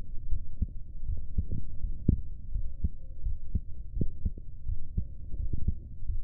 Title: My heartbeat #4